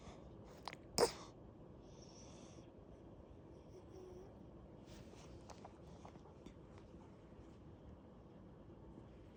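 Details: Sleeping, snoring cat: a single short, sharp sneeze near the start, then quiet breathing and soft room noise; sneezing.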